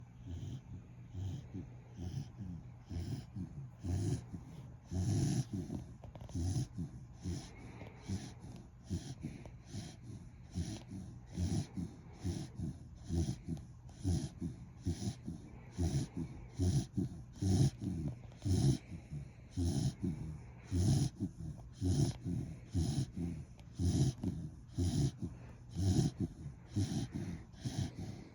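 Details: A napping dog snores steadily, with low, rumbling, snorting sounds on each breath.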